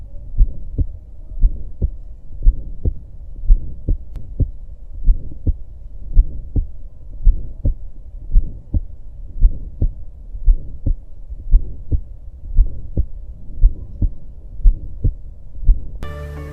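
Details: Aortic stenosis murmur, presented as a teaching example in a cardiovascular physical examination lesson on auscultation.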